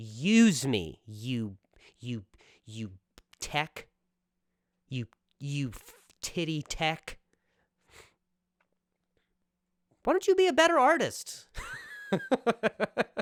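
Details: Male comedian's real stuttering while speaking on his own podcast; stuttering.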